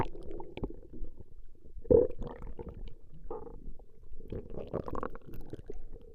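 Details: Low, irregular gurgling and rumbling with bubbling squeaks; ordinary stomach growling (borborygmi).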